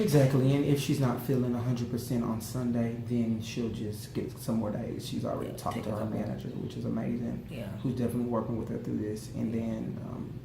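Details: Adult man speaking; normal speech.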